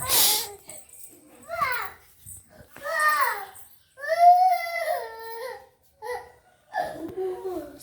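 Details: Young girl crying in drawn-out, wavering wails with sobbing breaths between them, in a small room, after being coaxed to show her crying style; child crying.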